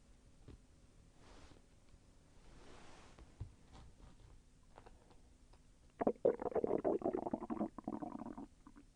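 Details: Soft gurgles, then a loud rolling growl lasting a few seconds: stomach growling, ordinary bowel sounds of digestion; intestinal movement felt slightly painful.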